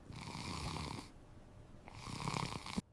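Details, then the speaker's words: Animated, simulated snore: two loud, rough, rattling voiced breaths separated by a pause, illustrating relaxed throat muscles narrowing the airway during sleep; snoring. "When sleep starts, my muscles relax. Relaxation is the first step towards snoring."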